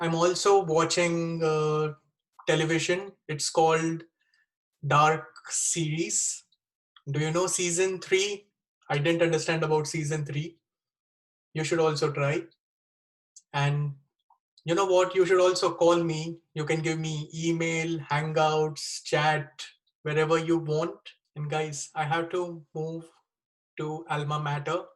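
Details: 36-year-old man with Wernicke's (fluent) aphasia after a stroke with bleeding in the left side of the brain, dated April 2019 or April 2020; recorded September 2020; he reports a problem communicating.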